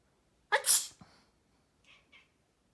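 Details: Person sneezing with a cat answering: a single sharp, explosive human sneeze in a quiet room, followed by two short soft sounds.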